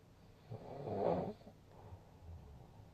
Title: いびき（snoring）2/15/2024 その23